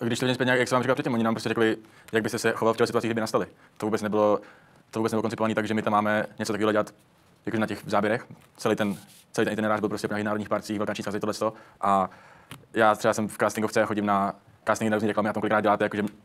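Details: Adult male speaker; Normal conversational speech.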